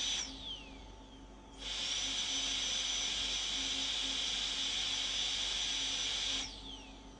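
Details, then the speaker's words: High-speed dental handpiece with a fine-grit (red ring) bur cutting tooth without water spray on the interproximal areas of a molar crown preparation for a PFM crown; a steady high-pitched whine for about five seconds. "so I will usually start on the interproximal areas okay I will do a little more here because I knew this was slightly under"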